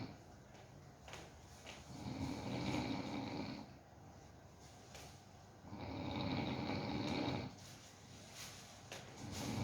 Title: Helping Smart fall asleep /Part3;Does doggie snore? Let's find it out!